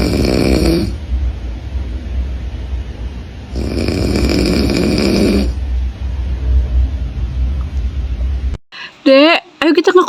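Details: Two loud, rough snores about four seconds apart over a low steady rumble, from a sleeping father (papa) beside a baby, then a brief sing-song voice or music; snoring.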